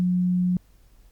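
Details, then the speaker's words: Single steady low pure-tone beep lasting about half a second, then silence, from a role-played ASMR hearing test in which a simulated patient wearing headphones reports the beeps; simulated audiometry test tone. "So, um I will put these headphones on you and you will listen to the beeps of different pitch and different duration."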